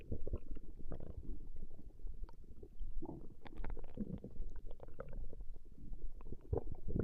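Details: Woman's stomach growling recorded over a 20-minute session: continuous deep rumbling and bubbling gurgles with brief louder pops, normal borborygmi.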